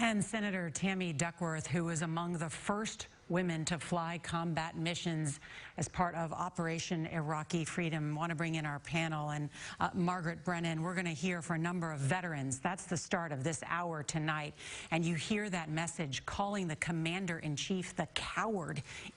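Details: Adult male news anchor; ordinary speech.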